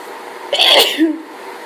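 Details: Single sharp, hissing sneeze with a short follow-on sound, part of a run of sneezing during a hay fever allergy fit.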